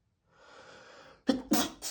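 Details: Sneezing fit on a rough allergy day with itchy, tickling nose: a drawn-in breath, then two sharp explosive sneezes in quick succession, part of a prolonged rapid fit of 60+ sneezes.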